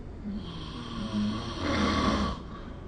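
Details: Snoring recorded with the SnoreLab app: a single rough, rumbling breath-in noise during sleep over faint room hum.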